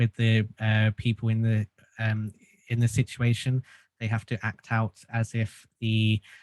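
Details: Adult male who has stuttered since childhood and received group speech therapy; stuttering.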